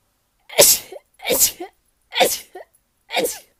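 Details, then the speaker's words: Woman sneezing from laundry-room dust while moving things around: four sneezes in quick succession, each a sharp burst of air with a brief intake before it. "uh moving things around makes me sneeze all the dust that's up in this laundry room is making me sneeze"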